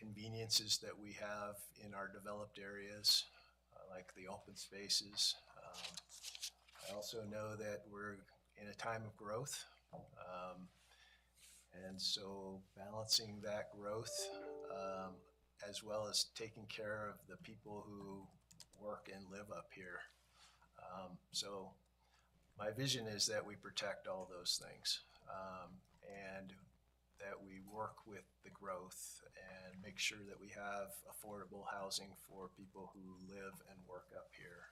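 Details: Adult man speaking; normal speech.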